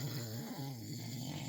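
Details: Nighttime snoring of a sleeping companion, recorded from inside a truck: a steady, deep, droning rattle through the breath; snoring.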